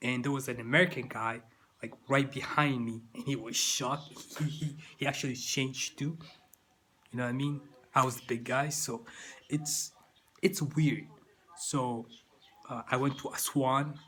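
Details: Adult man with persistent stuttering that continues into adulthood.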